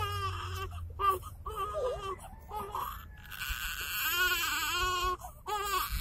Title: My Baby Brother crying